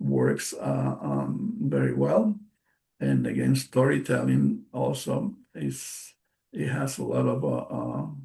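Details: Aphasia after a stroke in March 2020 in an adult male bilingual speaker, a non-native English speaker.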